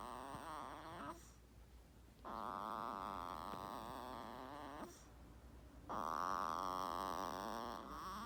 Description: 5 Day Old Snoring baby 7-12-2019